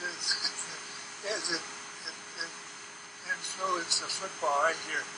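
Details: Wernicke's aphasia, a language disorder linked to Wernicke's area in the temporal lobe, presented as a contrast to Broca's aphasia; Wernicke's aphasia.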